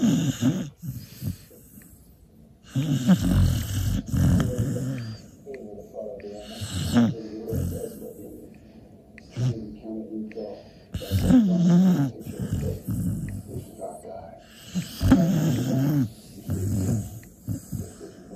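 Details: Fast asleep with tongue out and twitching: loud, irregular low rattling snores with snorting breaths and quieter pauses between them.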